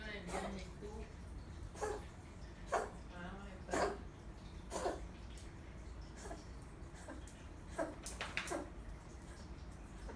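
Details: Cough of a female dog after her sterilisation surgery: a series of short, sharp coughs at irregular intervals in a small room.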